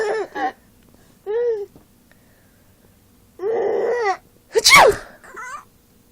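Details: A mother sneezes with a sudden in-breath and sharp, loud explosive burst while her baby laughs, followed by a brief infant sound; sneezing.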